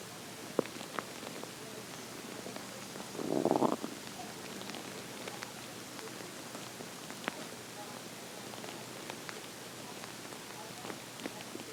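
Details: Morning hunger stomach growling (borborygmi): a single brief low gurgling growl against quiet room hiss.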